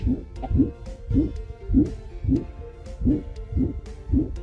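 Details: Dog heart, ejection murmur.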